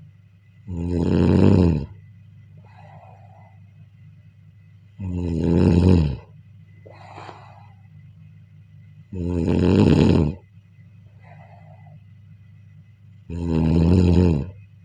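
Loud, deep, rattling snores on each in-breath, regular at about 14 a minute, with softer out-breaths between; heavy snoring.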